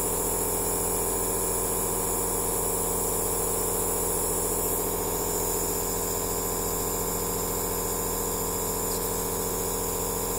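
Steady mechanical hum and hiss of a nebulizer compressor running continuously, with an even pulsing buzz and no breathing or voices.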